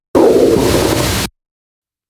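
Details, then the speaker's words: Audible stomach growl from an adult who drinks about 24 ounces of coffee a day, heard during conversation; stomach growling (borborygmi). "Because it's do you hear that? That was your tummy? That was my stomach."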